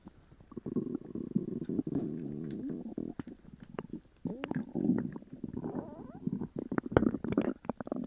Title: Sugar free gummies attack! (Loud upset stomach noises)